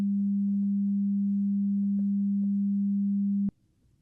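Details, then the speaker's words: Simulated ASMR hearing test through headphones: a steady pure beep held about three and a half seconds, then stopping; audiometry test tone. "there's gonna be a bunch of different beat tests and stuff like that."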